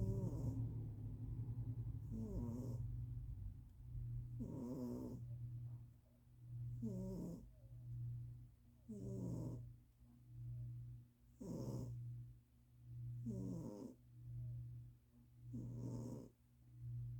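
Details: Sleeping pet: steady rattling snores, about eight breaths, roughly 28 per minute, over a constant low hum; snoring.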